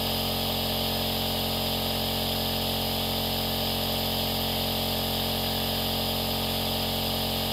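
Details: Aerosol nebulizer compressor running with a steady mechanical sound, played as continuous audio for baby sleep; nebulizer running.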